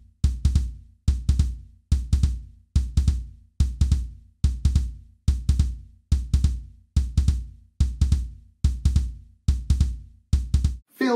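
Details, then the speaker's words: Regular low heart sounds at about 71 a minute in three-beat 'Ken-tuc-ky' groups, with an extra sound after S1 and S2: a third heart sound (S3 gallop). "so instead of just hearing love du love du love du we hear Kentucky Kentucky Kentucky where the Ken and the T are the love and the dub that's heart sound one and two with the e sound being that third heart sound let's have a listen"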